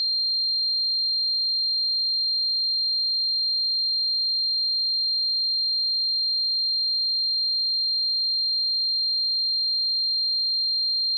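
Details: Simulated tinnitus sound effect: a continuous high-pitched tone, what it's like to suffer from tinnitus.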